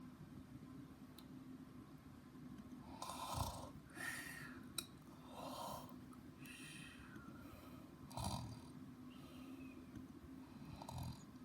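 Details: Loud snoring said to have woken the whole neighborhood: repeated snorting, rattling snores about every one to two seconds over a steady room hum; snoring.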